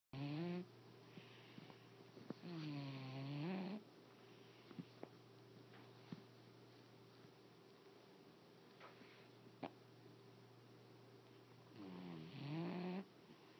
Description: This is Tequila. He Snores